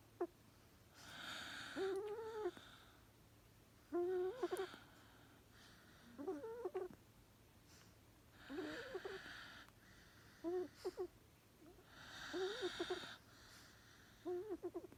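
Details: Sleeping, very tired Xolo dog (mother dog) snores in a steady rhythm, with raspy breathing and squeaky whistling notes.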